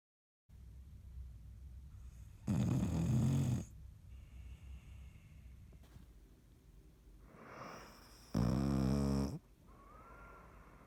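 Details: Two loud, rough, low rattling snores about six seconds apart, with quieter breathing between them against steady low room noise; snoring.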